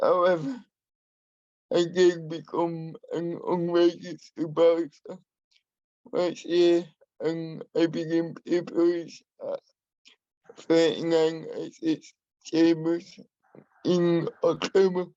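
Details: Adult man with spastic and dyskinetic cerebral palsy who uses a wheelchair; he has a speech impairment he has worked hard to minimise and continues to practise; dysarthria due to cerebral palsy.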